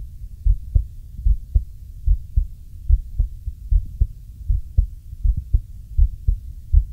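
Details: Real recording of an adult male's own heartbeat: steady paired low lub-dub thumps at about 75 beats a minute with a soft low hum behind; regular normal heartbeat.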